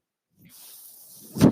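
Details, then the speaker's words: The speaker's own mechanical ventilator is audible in the background of their recorded Star Wars podcast: a mechanical ventilator breath cycle. "my name is that noise you're hearing is my ventilator and welcome to page-turners"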